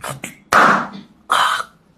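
A short breathy onset, then two forceful rough throat-clearing bursts about three-quarters of a second apart; throat clearing.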